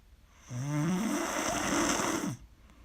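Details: Very loud snoring during sleep: one long, loud, low, rough rattling snore on the in-breath, lasting about two seconds.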